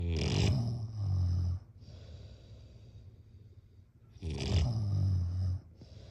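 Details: Two loud, low, rattling snores on in-breaths, each followed by a quieter exhale, repeating about every four seconds: snoring during sleep.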